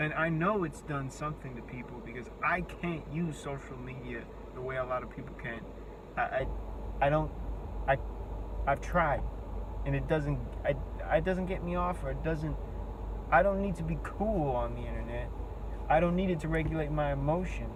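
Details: Speech disfluency with repetitions and prolongations in an adult with a self-reported speech impediment. Their words break down completely when speaking face to face, forcing breaks.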